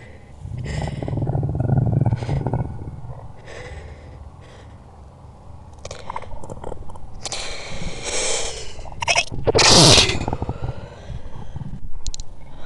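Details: Slowed-down recording of a sneeze: breathy build-up of catching inhalations, then a loud explosive burst; the low rumble is an added stomach-growling sound effect.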